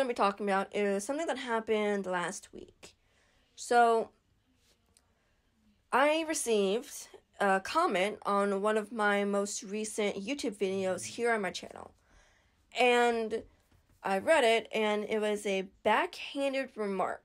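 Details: Adult woman stuttering since age 10, progressively worsening, with throat blocks lasting 5 to 45 seconds and trouble on sounds such as H, L, M and K; stuttering.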